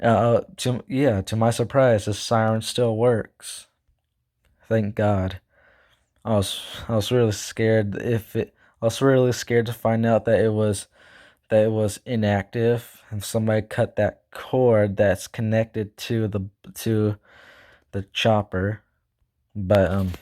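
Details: Self-reported stuttering in a male speaker who says he stutters, talks too fast and can't speak properly; stuttering.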